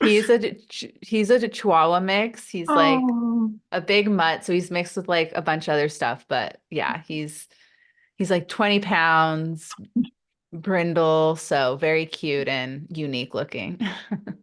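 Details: Adult woman who stutters, with a stutter not of the typical consonant-repetition form that is often misunderstood; she says stress amplifies it; real, unacted speech in a podcast interview: stuttering.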